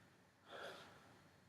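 A single audible breath in a quiet room, an ordinary deep breath without wheeze or strain.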